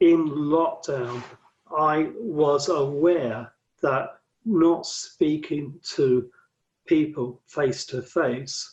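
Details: Adult man with aphasia since a paralysing stroke in 2013, speech reportedly affected by lockdown isolation; aphasia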